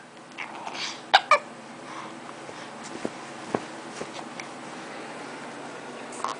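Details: Male talking to himself and kicking his feet while hiccuping: two sharp, abrupt catching sounds close together, then softer small clicks in a quiet room; hiccups.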